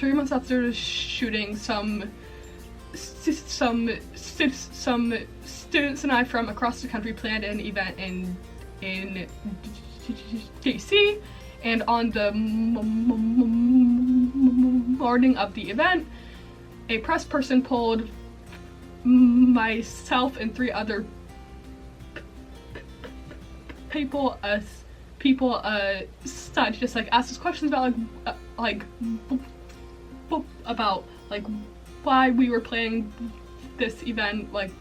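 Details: Female college student with a self-reported stuttering disorder, with repetitions throughout; stuttering.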